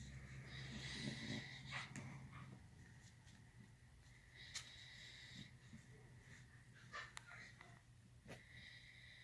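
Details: Dog snoring while asleep and apparently dreaming, seemingly running in its sleep: snorting, wheezy breaths with soft whimpers.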